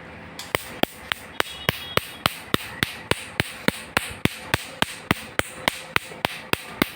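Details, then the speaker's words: Sharp, evenly spaced snapping clicks, about 105 a minute, as a laser machine fires pulses removing a small tattoo, done in two laser steps. "এখানে tattoo সহ মুখের দাগ তিল আচিল এগুলো remove করা হয় laser machine দ্বারা।"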